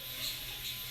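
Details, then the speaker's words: Soft, high, buzzing mechanical hum of a small motor; an electric microneedling pen pricking facial skin, needle depth adjustable. "so as i'm doing this i'm also able to dial up on how deep i'm going with the needle"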